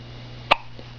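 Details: Newborn a few days old with hiccups after his first bath at home: a single sharp, brief hiccup against a steady low hum.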